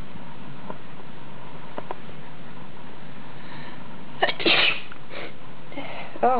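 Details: Deliberately induced messy, wet sneeze from a self-described sneeze fetishist, with a sharp burst after a quiet lead-in over background hiss; mucus reportedly over blanket and hand, watery eyes; a messy sneeze.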